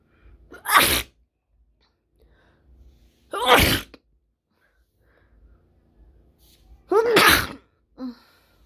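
Three separate sharp, explosive bursts, each after a brief intake of breath, in a quiet room: repeated sneezes.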